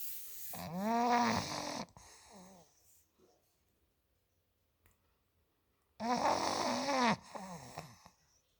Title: Olde English bulldog snoring